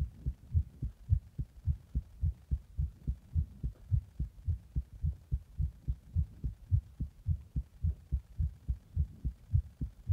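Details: Fast heartbeat after drinking a Monster energy drink in the bath and then compression: regular, fast, low heart thumps at about 107 beats a minute with faint background hum.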